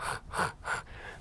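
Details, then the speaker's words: Three quick, rough snorting breaths from a 2-month-old lilac-and-tan French Bulldog puppy; flat-nosed breed with S-shaped nasal passages, normal breed noise, not drowning or a respiratory problem: brachycephalic noisy breathing. "彼らの鼻腔は、管に入る前にsの形をしています。子犬が溺れているということではなく、"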